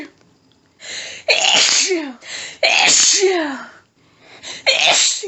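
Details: Adult female, nose tickly all day, unable to stifle: three very forceful sneezes in quick succession, each preceded by a sharp gasping intake, a sneezing fit.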